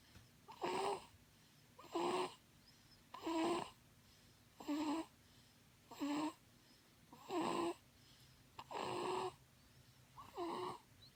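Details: Short squeaky, whistling snores at a regular pace, about 45 breaths a minute, against quiet room noise; snoring.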